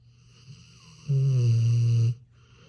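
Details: Sleeping American Bully dog snoring: a single loud, low, buzzing snore about one second long.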